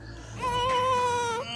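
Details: Newborn just delivered by caesarean operation in hospital, with a single sustained, steady-pitched cry over faint room noise; newborn cry.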